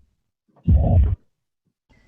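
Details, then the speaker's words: Holosystolic murmur of mitral regurgitation: a low rumble that starts at S1 and keeps the same intensity through systole, merging with the heart sounds. Best heard at the apex (mitral area), radiating to the left axilla. "this hollow systolic murmur is best heard at the mitral region the apex with radiation to the left axilla"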